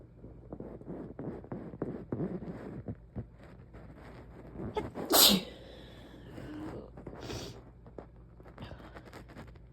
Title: these sneezes won’t give me a break